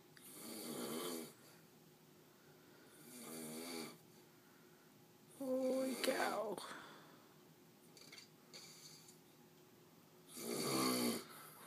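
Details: Sleeping adult man who says he doesn't snore gives repeated loud, rough snores in bed, with quiet gaps between: snoring.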